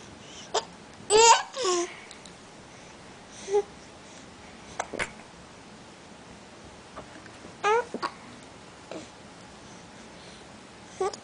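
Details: Wyatt, an infant, smiling and laughing with hiccups: babbling and giggles in a quiet room with brief sharp catches in the voice.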